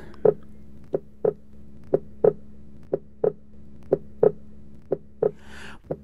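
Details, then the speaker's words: Simulated pulse synchronised to heart sounds for teaching: regular beats at about 60 a minute alternating louder and softer, pulsus alternans from alternating normal and weak ventricular contractions, seen in left ventricular failure. "pulses alternates here we feel alternate high volume and low volume pulse due to alternate normal and weak ventricular contractions seen in left ventricular failure"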